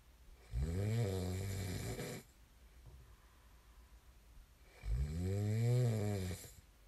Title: [코 고는 소리 ASMR] 코 고는 사람을 좋아하는 사람은 없겠죠? There's no one who likes snoring, right?